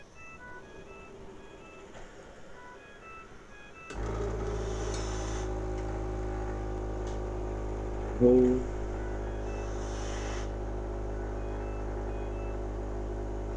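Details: ALS patient using a mechanical cough assist (insufflation-exsufflation) device to clear phlegm from above the cuff: soft electronic beeps, then a steady loud motor hum of air being pushed and pulled.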